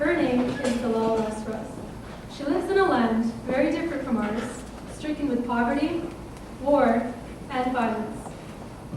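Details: Adult woman speaking; normal fluent speech.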